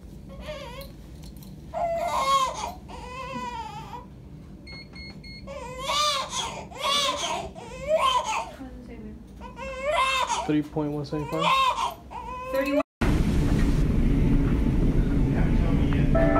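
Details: Loud, rhythmic crying bursts from a newborn baby girl just after a natural, unmedicated birth after about four hours of labor and only two pushes; a vigorous, ordinary newborn cry, with brief noise at the end.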